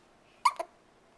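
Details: A baby having hiccups at night, whole body moving, filmed on a Flip Video camcorder: two quick, soft, abrupt catches close together in a quiet room; hiccup.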